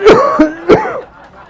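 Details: An adult man acting in a comedy sketch about Delhi smog, complaining of chest pain from it, gives two short, sharp acted coughs.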